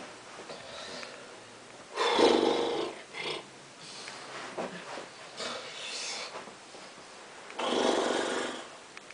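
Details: Snoring: several rough, snorting breath sounds at irregular intervals with quieter breathing between.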